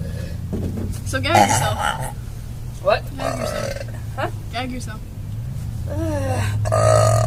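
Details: Girl burping deliberately after drinking green milk: several loud, drawn-out voiced belches among talk over a steady low engine hum.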